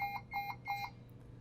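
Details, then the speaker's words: Puritan Bennett 560 ventilator in pressure support mode with a volume target of a 300 mL minimum tidal volume: three short, repeating electronic beeps of a low tidal volume alarm. "and I've got a little bit of a low tidal volume alarm going off here again. So let me go over and make some adjustments on these."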